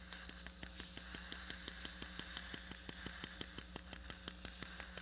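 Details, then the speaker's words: Osteotome tapping on bone while mobilizing the sinus floor window during a floor transport sinus lift for a 6.0×5.7mm Bicon SHORT implant in severely atrophic maxillary bone (live demonstration): steady, sharp metallic taps about twice a second over a motor hum. "However, I found that using the osteotomes saves us from any loss of bone, except that it is very loud, so especially if you are the patient, right?"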